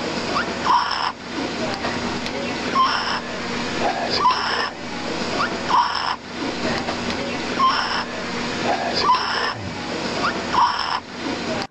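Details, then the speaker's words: Inspiratory stridor in a breathless child with visible chest retractions: rapid, harsh, high-pitched noise on each breath in, about 38/min, described as a dangerous sign of possible upper airway obstruction. "Ada tarikan pada saat dia bernafas kemudian ada suara suaranya seperti suara seperti ini suara yang berbahaya kayak kalau dengar karena kita ada suara seperti ini waktu menarik nafas itu ya Jadi ada stridor itu hati-hati bisa jadi ada sumber Bang di jalan nafas atasnya"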